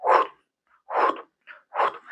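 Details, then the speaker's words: Voiced imitation, for medical students, of a mitral regurgitation murmur: repeated breathy whooshes filling each beat at about 70 a minute. It is holosystolic, loudest at the apex and may radiate to the axilla. "Si ahora fuera una insuficiencia mitral, la insuficiencia mitral genera un soplo que es holosistólico, que se escucha más en el ápex y que se puede irradiar hacia la axila. ¿Ya? Entonces, esta insuficiencia mitral más o menos sonaría así."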